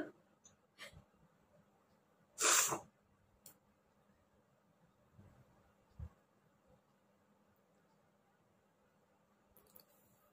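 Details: One sharp, forceful sneeze in a quiet room with faint sniffs and breaths, from an adult with a cold who has been sneezing repeatedly for 2–3 days with watering eyes; sneezing.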